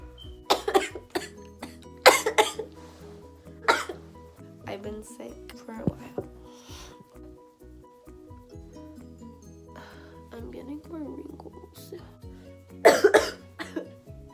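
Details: Coughing in someone unwell who suspects pneumonia and wonders about wheezes: several harsh, wet coughs and throat clearing over steady background music.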